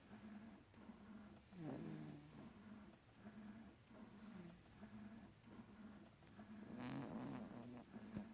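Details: Light snoring: soft, rhythmic rumbling breaths with occasional whistly, squeaky notes on the inhale.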